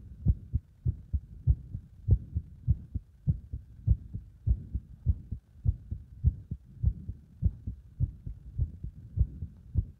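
Quick paired heart thumps, about 100 a minute, strong and regular: a heart beating fast under exercise.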